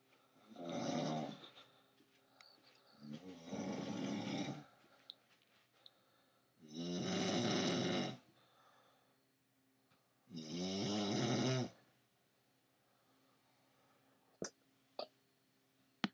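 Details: Adult woman snoring during sleep at night, though she says she doesn't snore: four loud, rattling snores, about 17 a minute, with quiet pauses between; snoring.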